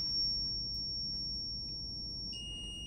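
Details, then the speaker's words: Zoll R Series defibrillator charging to 100 J in sync mode for synchronized cardioversion of ventricular tachycardia, in a training demonstration: steady high-pitched charging tone, then a second tone joins when the charge completes. "so we have our energies locked into 100 right now we're gonna hit charge"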